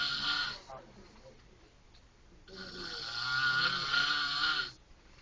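Two raspy, hissing breath noises, one short and one longer, with a rough fluttering quality. Snoring.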